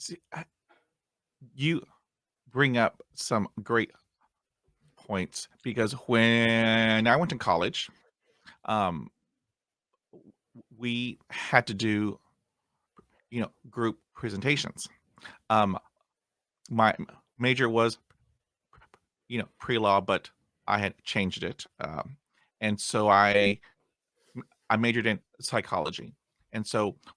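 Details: Stuttering in an adult man who still gets hung up on words after 20 years of speech therapy.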